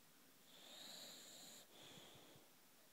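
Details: British bulldog snoring while asleep: a high, whistling, wheezy snore on a long inward pull, a brief pause, then a second softer whistling breath.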